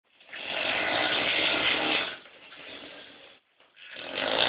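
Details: Loud, harsh, rattling snore on a long breath, dropping away and then starting up again: snoring.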